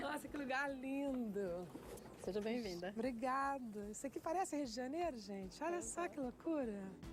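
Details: Adult woman speaking Portuguese; no disorder.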